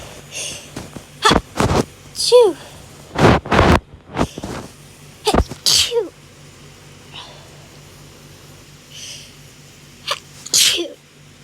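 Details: Several loud sneeze bursts, some with a rising vocal 'achoo', separated by quieter breaths; repeated hay fever sneezing, one of several filmed over 3-4 days.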